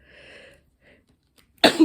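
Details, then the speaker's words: Adult apologizing mid-speech before sneezing: a faint drawn-in breath, brief pause, then one sudden loud explosive burst of air; a single sneeze. "Pardon, je vais éternuer. Je vous prie de m'excuser."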